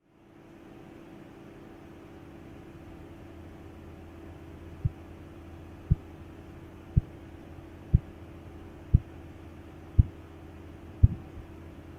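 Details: Korotkoff sounds during a blood pressure test: several seconds of steady hum, then sharp regular tapping at about 60 per minute.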